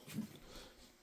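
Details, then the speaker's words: A dog's cough after eating from the litter box: one short, low, husky burst followed by quiet room noise. "Had a little cough there. Ain't feeling too good. Why is it you got the poop cough, don't you? Yeah, you ate the poop, didn't you?"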